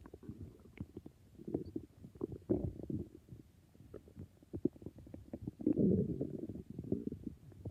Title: I think my stomach is being very noises